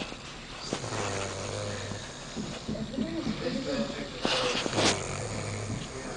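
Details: Two deep, buzzing, rattly snores on breathing in, about four seconds apart, with faint room noise: loud snoring.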